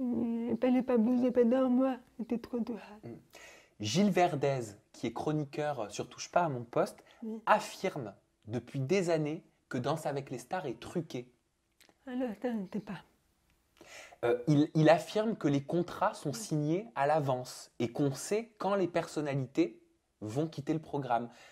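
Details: Adult female speaker; normal speech.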